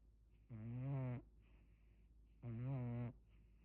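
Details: Man snoring very loudly: two loud, rough, buzzing inhaled snores with quiet pauses between them.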